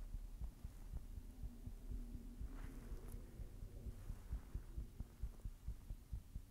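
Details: Person's own heartbeat: soft, low, muffled repeated thumps under a steady hum, somewhat irregular in spacing.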